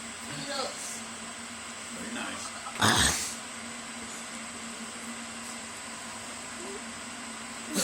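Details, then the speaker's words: Adult sneezing after eating chocolate, a recently noticed trigger: one sharp, explosive sneeze over a steady background hum in a quiet indoor room. "That's sneezing. Oh my god! Not funny."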